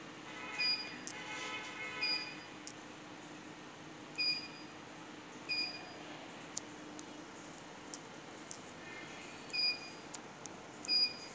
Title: Co2 laser fractional machine -------- Normal system